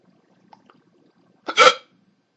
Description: Dont you just hate the hiccups?